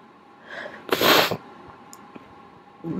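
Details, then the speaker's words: A brief inhaled build-up, then a single forceful, explosive sneeze over steady room noise, from a person who says they sniffle. "hey there's also a part of me that wishes that I sneezed a little quieter CU it makes it hard to record when I'm not home alone which luckily I am right now"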